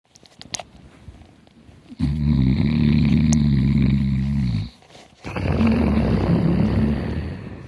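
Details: Hard snoring: two long, loud, rough rattling snores, each lasting a few seconds, with a brief quiet gap between them.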